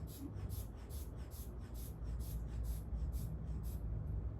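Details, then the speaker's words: Nurse inflates a manual blood pressure cuff with quick rhythmic hand-bulb puffs during a bedside head-to-toe assessment, after a 1-minute wait, on a patient reporting flu-like symptoms with a wet cough producing thick sputum. "So now we're going to take your blood pressure. Okay. We're going to get some pressure."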